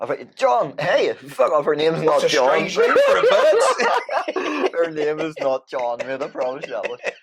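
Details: Man with Tourette syndrome whose tics flare up during everyday tasks and who says MMA training has helped them; an apparent swearing vocal tic interrupts his speech; vocal tics (Tourette syndrome).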